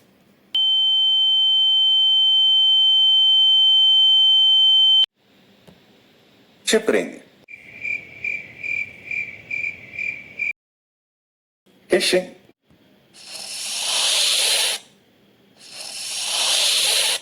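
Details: Simulated tinnitus: a steady high-pitched ringing tone, cricket-like chirping pulses, then bursts of rushing hiss.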